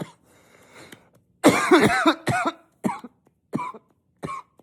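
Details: Acted unstoppable coughing spell, coughing into a pillow trying to be quiet, then finally letting it out, with occasional back patting: run of loud, forceful coughs in quick succession after a muffled stretch.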